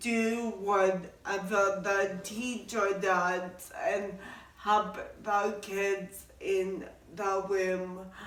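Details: Adult woman born with cerebral palsy, which also affects her walking; garbled speech; dysarthria (cerebral palsy).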